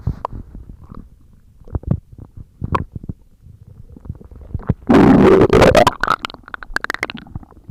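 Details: Stomach growling (borborygmi) recorded for ASMR: close, bubbly gurgles and pops building to a loud, long rumbling growl.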